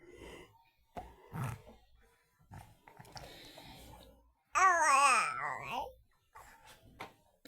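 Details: Soft murmurs, sighs, growl-like sounds and a brief whiny cry from a young daughter sleeping on the floor; sleep vocalization in a child.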